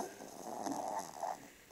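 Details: Black pug–Boston terrier mix dog snoring loudly: a single rough, rattling, drawn-out noisy breath; snoring.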